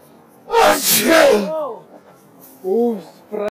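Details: Staged prank sneeze: one loud, explosive fake sneeze followed by short voiced exclamations and apologies in Russian.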